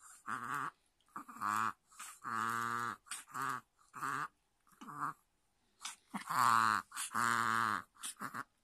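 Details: Chihuahua with near-daily reverse-sneezing episodes, several a day, triggered by excitement before treats, meals or play; labored "boo-boo" honking, snorting inward breaths then a "keh" sound; cause unknown, seems like fluid deep in the nose; fine afterwards.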